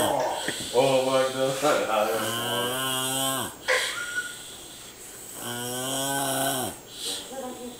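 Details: Eliseo snoring: loud, droning, strongly voiced snores in long drawn-out pulls a few seconds apart, with quieter breathing between them; heavy snoring.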